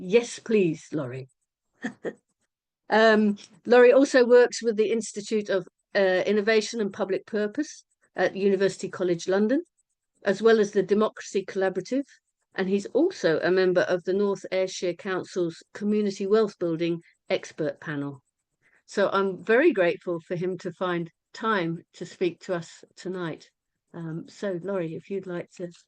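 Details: Adult woman speaking; normal voice.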